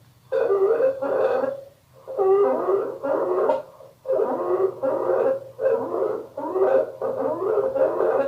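Loud, harsh, musical tone repeats with each rapid breath in a quick regular series; this is stridor.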